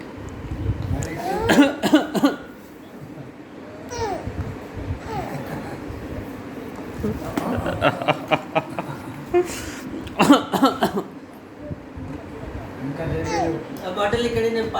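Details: 8-month-old baby making short, playful pretend cough-like bursts mixed with babbling and vocal sounds in a small room.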